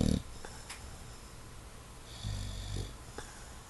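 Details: English Bulldog snoring with eyes open: low, snorting breaths with a rough flutter in a quiet room; snoring in a flat-faced dog.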